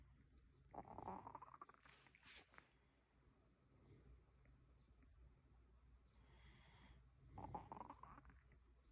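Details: Male stomach growling; borborygmi.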